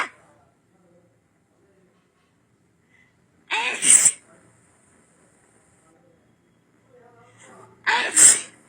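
Two sharp, explosive sneezes, each led by a brief in-breath, with quiet between them.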